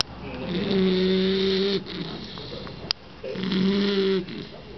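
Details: Sleeping Bull Terrier snoring: two long, loud, droning snores with steady low pitch, each followed by a quieter exhale.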